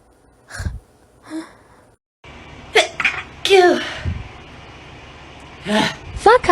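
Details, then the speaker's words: Several forceful sneezes, each a sharp intake then explosive burst, with brief voiced exclamations between them; ordinary sneezing attributed to allergies/hay fever. "Out here raw dogging these allergies. Oh my god. So many sneezes. It's constant."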